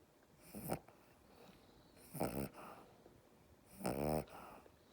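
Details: A small dog snoring while held in someone's arms: three loud, rattling, snorty breaths a few seconds apart, each rising and falling.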